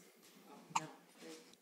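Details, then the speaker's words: Baby girl with hiccups that are left to run their course and don't seem to bother her: a single short, sharp hiccup against quiet room noise; hiccups. "they can't really do anything about the hiccups run their course doesn't seem to be bugging her too much the hiccups"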